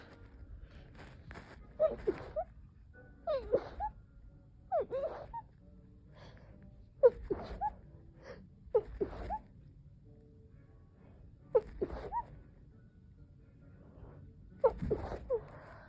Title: Powerful muffled sneezes